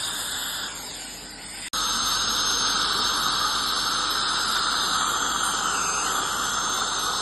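Steady high hiss with a faint whine, broken by a brief gap, from dental scaling and air-polishing instruments during a routine cleaning.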